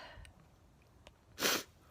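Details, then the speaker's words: A single sharp, explosive sneeze after a few faint sniffs, from a person in a series of repeated sneezes who says they feel tired after their first day back at work. "i'm gonna stop sneezing i'll stop talking to see if i sneeze i'll see if does he continue sneezing"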